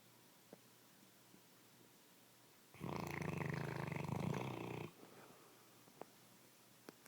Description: my bloodhound snoring